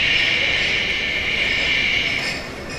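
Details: Venous flow on Doppler ultrasound, picked up when the sample gate is wide enough to catch artery and vein together: steady, continuous windy whoosh without pulsing beats, the normal low-velocity venous flow sound.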